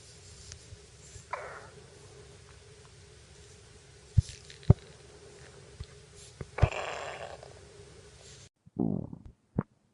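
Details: Irregular low gurgles, squeaks and pops of stomach growling over a steady background hiss; ordinary bowel sounds (borborygmi).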